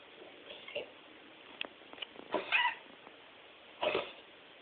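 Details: Pet with diagnosed mitral valve degeneration, coughing 10 to 20 times a day; a few short, harsh cough bursts: cough associated with mitral valve degeneration.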